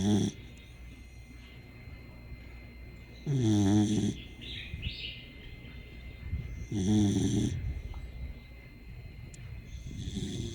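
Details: Sleeping dog snoring loudly and rhythmically, about 17 per minute, each a rattling buzz on the in-breath with quiet pauses between.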